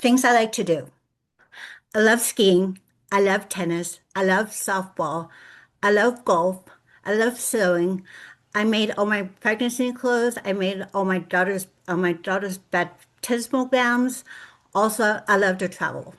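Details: Adult woman with lifelong aphasia after a severe stroke on Thanksgiving Day 2012; she reports difficulty putting words together; aphasia.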